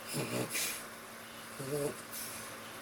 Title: LOUD SNORING WAKES ZOMBIES